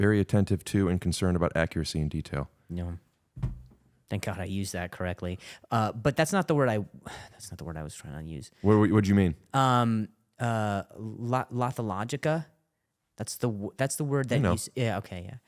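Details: Adult male comedian who stutters, calls it a stuttering disorder and attends speech therapy, in podcast conversation; stuttering.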